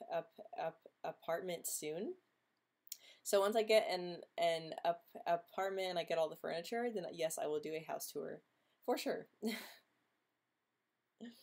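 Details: Female host who stutters, speaking in a stuttering livestream hangout; stuttering.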